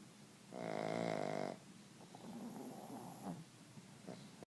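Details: Pug napping: one loud, buzzing, vibrating snore on an in-breath, then quieter noisy breathing; snoring in a flat-faced dog.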